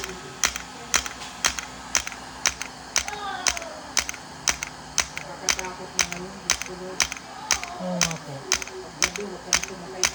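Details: Shockwave therapy at 3 Hz, 90 mJ, 1,000 shocks, for pain at the back of the knee (popliteal area): sharp, regular clacking pulses about once a second from the handpiece, faint voices behind.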